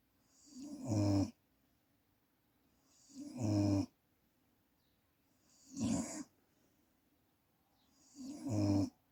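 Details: Snoring recorded on a birthday.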